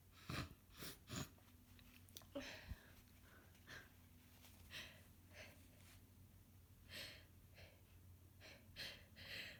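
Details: Repeated wet sniffs and short stifled sneezes over room noise, from a congested, runny-nosed person a few days into a head cold, in recurring fits; sneezing and sniffling of a common cold.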